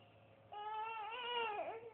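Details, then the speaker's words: Six-month-old baby girl, tired during tummy time: a brief, rising and falling fussy cry in a quiet room as the parent counts and asks if she is mad. "what are you doing oh no are you mad are you mad katy"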